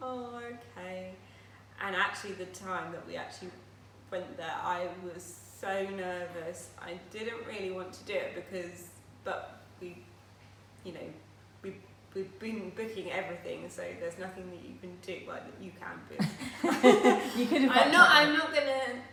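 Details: Aphasia in a woman who had a stroke at age 18, now living with it for 10 years; she still finds speech and reading difficult.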